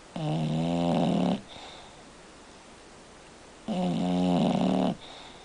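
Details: Kona, a sleeping pet, snoring: two long, loud rumbling snores on inhalation with quiet breathing between them.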